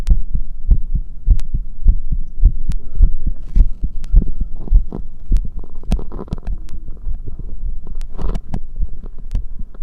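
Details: Low, regular heartbeat thumps at roughly 100 per minute with visible chest pulsation and a faint background hum; normal heart sounds.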